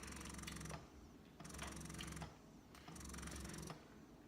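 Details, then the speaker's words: Electric breast pump (Spectra S2) running: quiet rhythmic motor hum in repeating suction cycles, roughly 40 a minute, described as quiet. "so we turn that on as you can see it's quite quiet it's quiet its Vilnius so which is really good"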